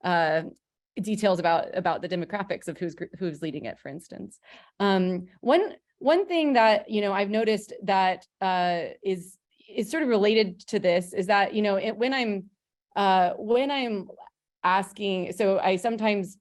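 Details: Woman panelist who says she has a stutter, speaking English: stuttering.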